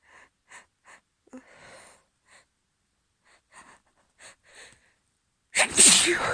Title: Morning allergy sneezes (f)